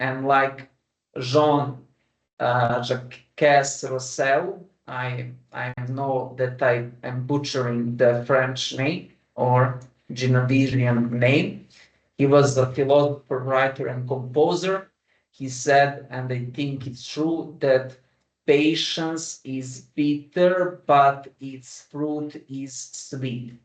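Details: Adult man who has stammered since early childhood, persisting into adulthood, with word repetitions; stuttering.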